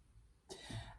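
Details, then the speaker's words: A single short, low cough without wheeze or stridor from an adult woman who has been coughing a little for 2 days, says her bronchi are fragile and had frequent bronchitis when younger. "Oh là, ma cage thoracique, elle a résonné, excusez-moi. Je tousse un petit peu depuis 2 jours."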